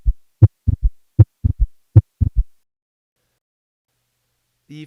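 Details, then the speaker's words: Third heart sound (S3) gallop: three low heart sounds per cycle at about 78 a minute, with a soft third sound following the second. "here's a schematic and audio clip of how S3 relates to the other osculatory components of the heart"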